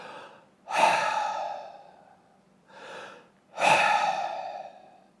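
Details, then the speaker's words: Imitated Kussmaul respiration: deep, loud, drawn-out sighing breaths, as in diabetic ketoacidosis when an acidotic person breathes off acid. "there's Kussmaul respiration where say a person with diabetes and ketoacidosis is trying to breathe off acid because they are acidotic therefore they are taking these deep sighing respirations"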